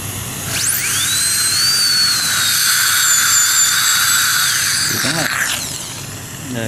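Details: High-pitched whine of a high-speed dental drill rising, holding steady, then spinning down, during crown abutment preparation using a gingival protector.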